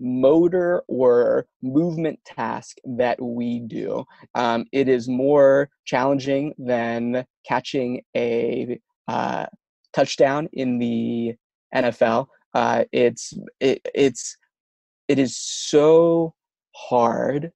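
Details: Adult man who stutters, with words and syllables getting stuck and not coming out at the right time; stuttering.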